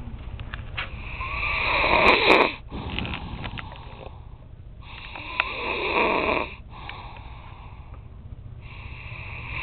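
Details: Sammy asleep on the couch, snoring: repeated raspy, snorting snores with whistling nasal breaths between, over a low steady background hum.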